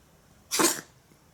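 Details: Single short, hissing sneeze from a cat against a quiet background.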